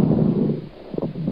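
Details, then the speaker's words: Coarse crackles through the stethoscope, as in a COPD patient with much sputum (emphysema, bronchitis): low-pitched bubbling crackles over breath sounds from airway secretions, which may improve after coughing. "Os finos, temos como na pneumonia, por exemplo. E os grossos num paciente de DPOC com muito catarro, por exemplo, enfisema, bronquite com muito catarro nas vias aéreas."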